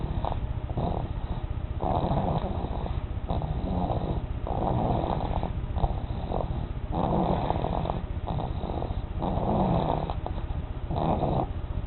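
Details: Steady rumbling, rattling snore from a sleeping dog, with repeated low fluttering bursts on each breath; snoring.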